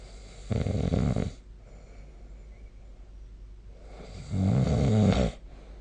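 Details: Snoring recorded with the SnoreLab app: two loud, low, rattling inspiratory snores about four seconds apart, with quiet breathing between them; typical snoring.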